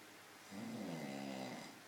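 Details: Person snoring very loudly in sleep: a single loud, drawn-out buzzing snore on an in-breath.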